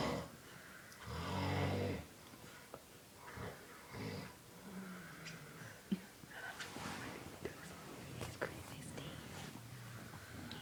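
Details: Adult man (father) asleep snoring after a long hard workday: one loud, low rumbling snore, then quieter irregular breathing in a small room; snoring.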